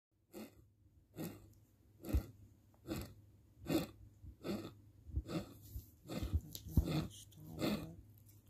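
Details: Loud, effortful, noisy breaths with grunting at about 38 a minute, somewhat irregular: laboured breathing in a pet with congestive heart failure (X-ray inverted D) on a heart pill and twice-daily Lasix, medication no longer working.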